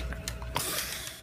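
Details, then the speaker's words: Brachycephalic (flat-faced) dog Bruno gives brief snorting, noisy breaths over background music: stertor from an obstructed upper airway, struggling to breathe and tiring easily. "sometimes I get so tired and exhausted because I struggle to breathe you can hear this because I sn"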